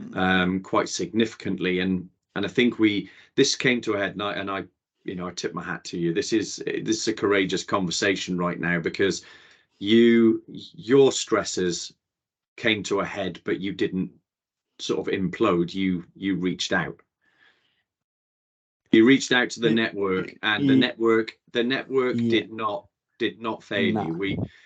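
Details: Adult male conversational speech, possibly two speakers; typical speech.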